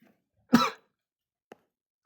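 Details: A single short, dry cough from a child in a quiet room, followed by a faint click; an isolated spontaneous cough.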